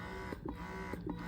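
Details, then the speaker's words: Horigen wearable breast pump running in expression mode (after two minutes of stimulation) in a quiet room: steady low motor hum with rhythmic soft pulses about every half second; noise compared against a Spectra pump. "so you can hear it and it's not that bad right again it will sound less it will sound less noisy when you put it on yourself"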